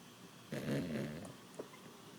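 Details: Sleeping dog snoring: a single low, rattling, rumbling breath sound.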